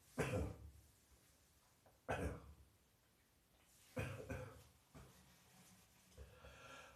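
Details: Adult coughing at night with a heavy chest cold: about five coughs in seven seconds, three of them forceful and chesty.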